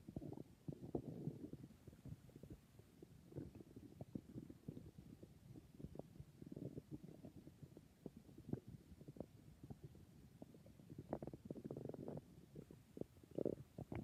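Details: Stomach growling (borborygmi): soft gurgling, bubbling and popping noises that keep coming and going; normal stomach and bowel sounds.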